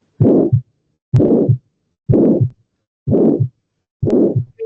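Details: Aortic stenosis systolic murmur: regular heartbeat around 63 a minute with a harsh whooshing murmur filling the gap between the two heart sounds.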